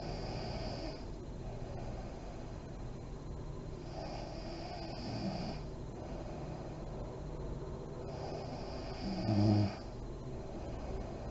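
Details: Sleeping mother in deep REM sleep, lights on: slow, soft, airy breaths about four seconds apart with a faint low snore and one louder snort near the end; light snoring.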